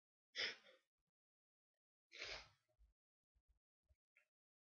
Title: Sneezes